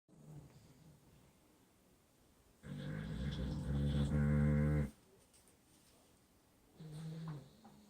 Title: Winnie the snoring pibble.